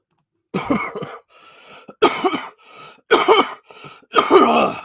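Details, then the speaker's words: Four harsh coughs in quick succession, each followed by a noisy breath in, from an adult who has had a cold all week, during a live stream; cough. "I've had a cold all week I don't know if it sounds like I have you'll notice me coughing later I said that and I want to cough"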